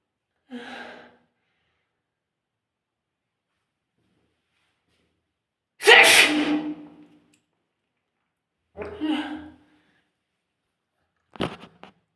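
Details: Strong sneezing: four separate sneezes, the second the loudest, with silence between them.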